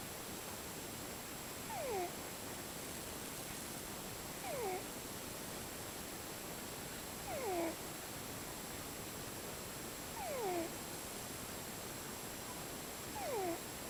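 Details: Cat snoring in different tones: soft, high whistling snores with falling pitch, about 21 a minute, over steady background hiss.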